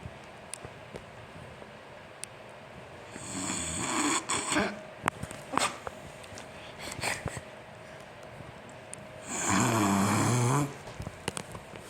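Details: Adult man (a father) snoring loudly: two loud, rattling snores on breathing in, with clicks and household noise between.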